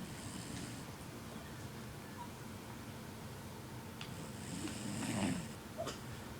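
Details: Jack Russell Terrier dog snoring while asleep hugging yarn in a quiet room: soft, rough snoring breaths with a louder snorting snore near the end, steady low background hum; snoring.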